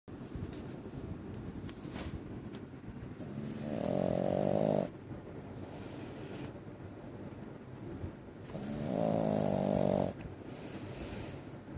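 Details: Dog snoring: two loud, rough inward snores with a buzzing tone, separated by quieter breathing, roughly 12 breaths a minute.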